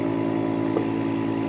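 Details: Suction pump of a laser lipo cavitation RF body-contouring machine running at a suction/release setting of about 10–11: steady, loud low motor hum as the paddle suctions on the skin and clicks to release before moving.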